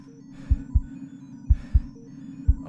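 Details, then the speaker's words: Simulated heartbeat sound effect in a narrated fictional horror story about a disconnected human heart still beating: paired low thumps about once a second, roughly 60 beats a minute, over a steady hum. "a human heart was on the ground it wasn't connected to any machines or pumps and yet it was still beating"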